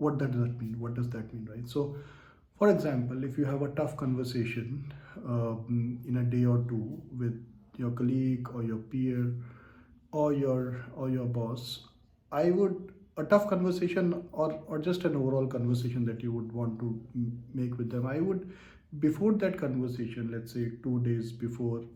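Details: Stuttering in an adult man who identifies himself as a person who stutters and stammers, speaking about managing stuttering in the workplace.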